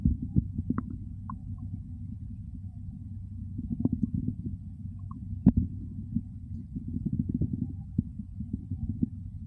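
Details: ASMR recording of stomach growling and heartbeat together: low gurgling rumbles of hunger stomach growling (borborygmi) with soft thumping of the heartbeat underneath.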